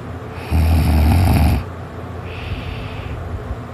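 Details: Adult napping, just starting to snore before being woken by a bump: one loud, low, rattling snore on the in-breath, then a softer out-breath, against steady background hum.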